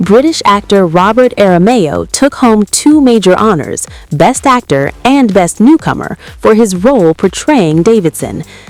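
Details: Adult male news narrator; ordinary speech.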